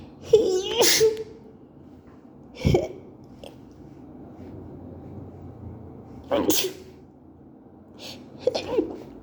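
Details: Sneezing fit from allergies, which began at work after exposure to a co-worker's bathroom: about five sneezes in nine seconds, each with a quick in-breath and a forceful burst, against steady room hum.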